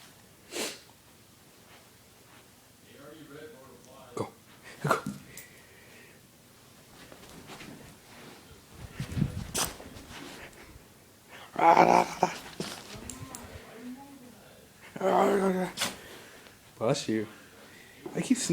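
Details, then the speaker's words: Ginger, a small dog (pup), sneezing repeatedly indoors in short, sharp bursts, especially when the owner says "up", with the owner's voice nearby; sneezing. "keep sneezing, huh? Up. Up. Up. Stop sneezing."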